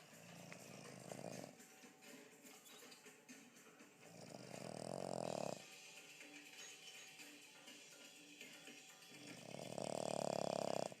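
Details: Loud, rough snores about one every five seconds with quieter breathing between and faint background sound; ordinary snoring.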